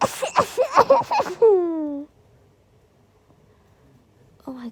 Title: Uncontrollable Induced Sneeze Attack!